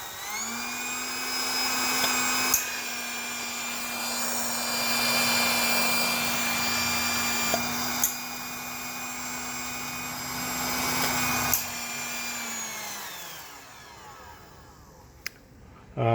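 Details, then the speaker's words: Prototype ventilator built from readily available items, cover off: steady blower motor whine set by a speed controller, with sharp clicks of inhale/exhale solenoid valves switching at their programmed timing before it spins down. "You can hear the valve switching at their programmed amount of time. And then the blower is just basically adjust how much air pressure you want."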